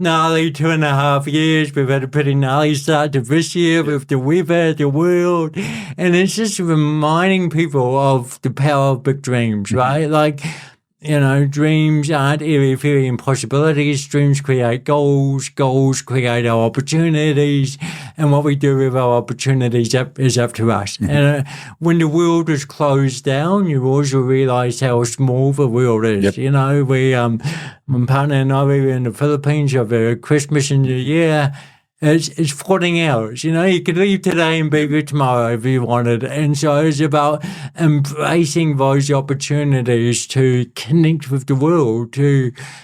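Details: Adult man with cerebral palsy since birth, a lifelong physical disability affecting the body's movement system, speaking in real conversation; dysarthria (cerebral palsy).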